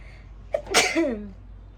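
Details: A single sharp sneeze: a quick inward catch, then a forceful hissing burst trailing into a short voiced sound. It was deliberately provoked by a woman poking a strand of her own hair into her nose for a sneezing challenge.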